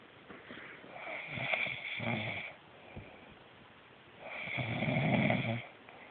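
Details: Two slow, rough rattling breaths drawn in during sleep, separated by quiet exhalation, from a sleeping man; ordinary snoring.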